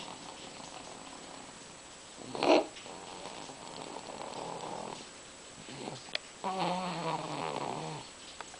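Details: Sleeping infant snoring two minutes after crying hard: soft, rough, snore-like breathing with one brief voiced, buzzing breath.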